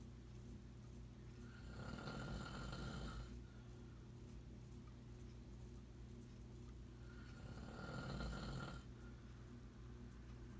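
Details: Grandfather snoring in sleep: two long, rattling snores about six seconds apart, roughly ten breaths a minute, over a steady room hum.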